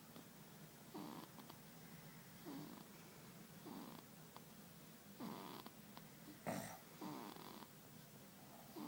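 Soft, regular snuffly breaths about every one and a half seconds over room hiss: light snoring in a sleeping baby.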